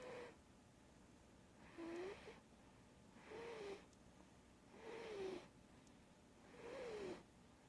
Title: Mango snoring